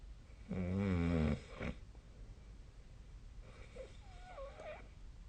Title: 🐽 本日のイビキ / Snoring Sleep Sound 2024/12/23